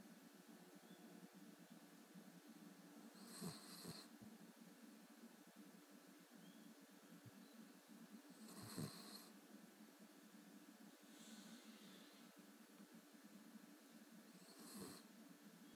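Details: Cavalier King Charles Spaniel puppy sleeping: quiet steady breathing broken by snorting snores about every four to five seconds, roughly 11 a minute; snoring.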